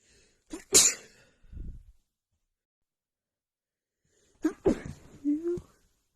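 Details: Sneezing fit triggered by dust: two sharp, explosive sneezes, each preceded by a quick in-breath, with a brief voiced sound after.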